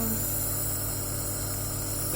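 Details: Nebulizer steam treatment for cough and cold in a 5-year-old child: steady droning electrical hum with faint hiss of the compressor running while the child is coached to inhale and hold the medicine in.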